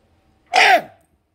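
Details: Adult man with Tourette syndrome diagnosed at age five; a loud, cough-like throat-clearing vocal sound followed by cursing, consistent with an involuntary, neurological vocal tic of Tourette syndrome.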